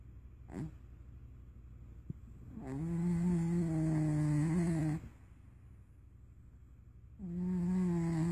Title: Loki Snores